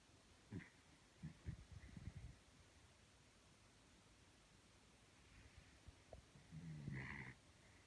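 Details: Sleeping small dog snoring: soft, rough low snorts and rumbling breaths in short bursts.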